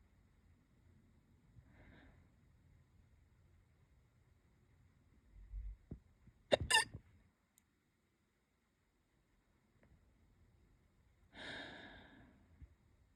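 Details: Hiccups that have come back after stopping: a few abrupt, brief voiced catches of breath among quiet stretches with soft rustling; hiccups.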